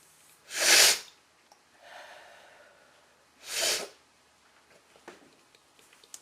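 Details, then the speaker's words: Person with allergy-triggered sneezing (flowers, dust, plants), sometimes with itchy mouth and sore nose: two loud, explosive sneezes a few seconds apart with a soft breath between, quiet room. "over the course of the day sometimes I get really really Sneezy different really really irritate me make me these a lot it just depends sometimes it's flowers and sometimes it's like dust or plants or whatever"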